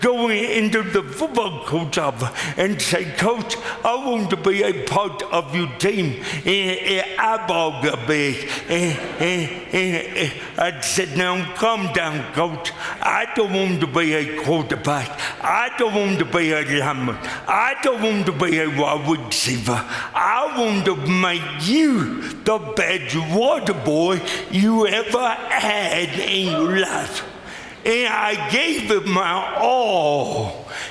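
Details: Adult man with lifelong cerebral palsy; speech dramatically affected by the disability; dysarthria (cerebral palsy).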